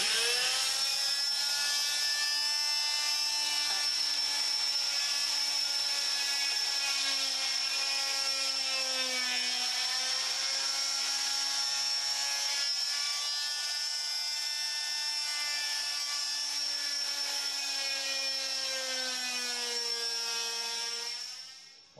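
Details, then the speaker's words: Oscillating cast cutter removing a child's cast, in a children's TV episode: steady high-pitched whine, its pitch dipping slightly under load as it cuts through the cast. "we're going to use a machine called a cast cutter ooh and it looks rather scary and it sounds very scary but it's very safe"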